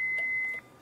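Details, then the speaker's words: Manual defibrillator with paddles, demonstrated in an emergency medicine lecture and not on a patient: a steady high-pitched beep signalling it is charged and primed to deliver a shock; defibrillator ready tone. "if you need to do a shock you charge the defibrillator when this beeps that means it's ready to deliver a shock that means this is primed and"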